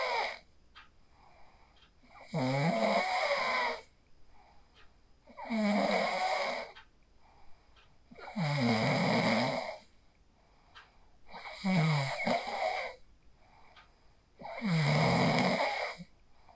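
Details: Five loud, rattling snores on each breath in, about 20 breaths a minute, with quiet pauses between, from a person asleep after practising the 4-7-8 breathing technique, recorded on a phone; steady snoring.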